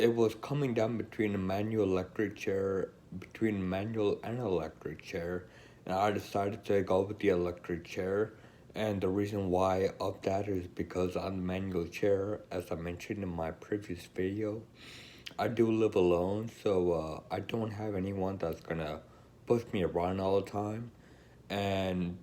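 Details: Woman with Friedreich's ataxia describing choosing an electric wheelchair; speech not described; ataxic dysarthria.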